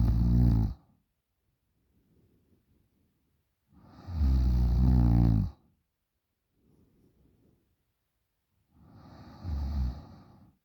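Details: Loud, low rattling snores on inhalation, three in about eleven seconds with quiet breathing between, from a sleeping 20-year-old woman; loud snoring.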